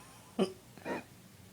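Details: Two short, abrupt, throaty gulps about half a second apart in a quiet room, from a friend with hiccups: hiccups.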